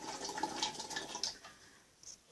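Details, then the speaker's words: Brief wet, bubbling gurgle fading out, the gurgling breath noise associated with pulmonary edema (fluid in the lungs). "actually pulmonary edema has a gurgling noise which is often associated with it as sounds like this"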